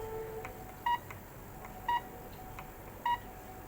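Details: Three short electronic beeps about a second apart over faint background music, from keypresses on a syringe pump while its rate is set and started for a demonstration, not connected to a patient.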